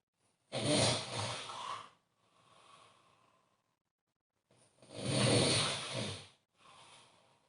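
Two loud rattling snores on the in-breath, each followed by a softer out-breath, roughly 16 breaths a minute: snoring.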